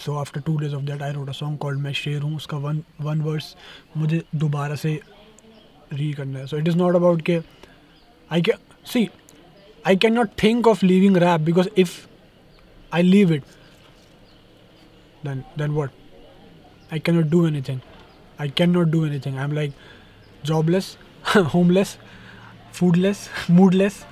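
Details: Conversational Hindi from a young adult male rapper who says he stammers when he talks, worse in Hindi, with word repetitions heard; stuttering.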